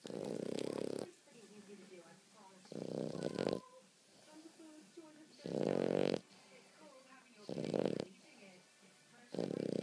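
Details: Loud rattling snores about every two to three seconds, with softer whistling breaths between them; snoring.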